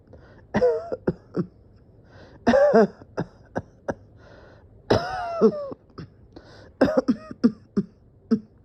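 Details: About a dozen repeated harsh coughs with throat clearing, some in quick clusters; the person felt dizzy and thought they would pass out.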